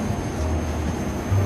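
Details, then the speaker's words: Da Vinci surgical robot: a low, steady motor rumble as a robotic arm moves under motorized control in a demonstration. "now this is the I arm movement which I can just keep on pressing and it is very easy motorized I can move in any direction"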